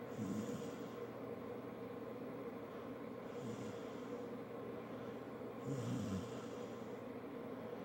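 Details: Rhythmic low snoring, about three breaths in eight seconds, each with a soft whistle, over steady room hum; ordinary snoring.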